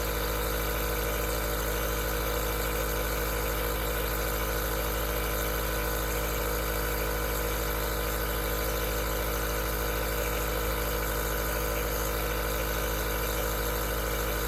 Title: Aerosol Nebulizer Sound Cures Insomnia